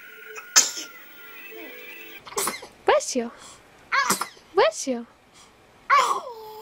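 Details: Several short, sharp sneezes from a baby, with adult voices saying "bless you" and light background music between them; ordinary infant sneezing.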